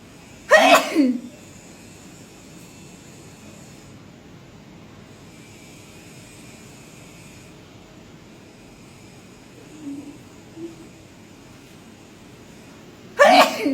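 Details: Sneezing fit induced by resdung (sinus) treatment: two loud, explosive sneezes about 13 seconds apart with quiet breathing between; repeated sneezing with nasal irritation.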